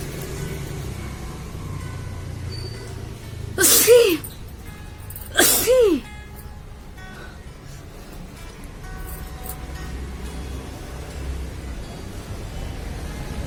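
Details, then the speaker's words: Two loud sneezes about 1.5 seconds apart from a woman doing a deliberate sneezing challenge, each a sharp explosive burst with a falling voiced tail, over background music; slight bleeding was noted afterward. "आज मैं सिर्फ sneezing challenge video ही बनाऊंगी"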